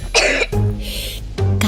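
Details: Two short, harsh acted coughs from a child in a children's flu and cough syrup commercial, over soft background music, a plain cough.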